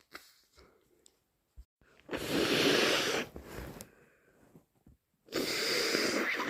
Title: Loaded with a cold - Induced sneezes and snotty blows